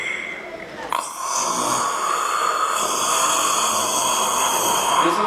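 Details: Recorded snoring played through a loudspeaker at a sleep apnea talk: a rough, rattling snore with a background hiss; snoring.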